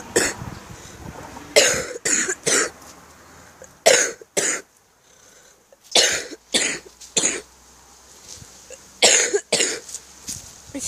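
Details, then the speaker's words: Child with about five weeks of hard cough, suspects a chest infection, feels something in the throat: about eleven forceful, harsh coughs in short runs of one to three with quiet pauses. "I just cough so hard. But if I'm gonna cough now, can you tell me in the chat below to tell me if it's a chest infection?"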